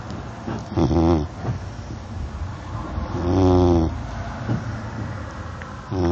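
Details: Labrador dog snoring in sleep: loud, rattling, vibrating snores on the in-breath, repeating with each breath, about 20 a minute.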